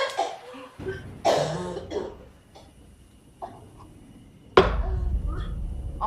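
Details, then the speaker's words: Acted film scene, simulated: a character named Laras gives a few sharp, harsh adult cough bursts amid brief vocal sounds and quiet room noise; plain cough. "menerangkan makna spiritual kekuatan hantu terganggu dengan batuknya Laras ketut pun ketakutan"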